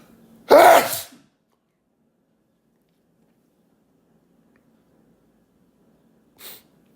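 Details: Sneeze after a lingering nasal tickle and several near-sneezes: one loud explosive sneeze, followed several seconds later by a brief faint sniff or breath.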